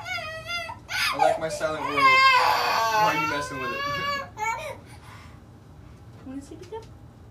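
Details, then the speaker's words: 14-month-old girl bursting into distressed crying and whimpering that fades to quiet at activation of her bilateral Cochlear Freedom cochlear implants, as new sound frightens her; crying is described as very common at activation. "you get most kids crying at it very common it's very rare that they don't it's scary CU you're hearing this sound in your head"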